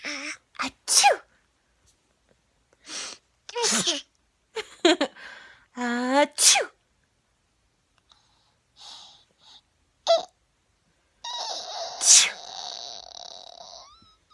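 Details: Playful pretend sneezes from a 6-month-old baby girl, answered by her mother's imitation sneezes, then giggling; fake sneezing, not illness.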